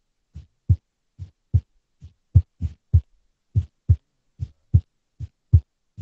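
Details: Female's unstable resting heartbeat, abnormal heart audio recorded with a simple microphone or headphone: clear low thumps unevenly spaced, some early, others late; irregular heartbeat with abnormal beats.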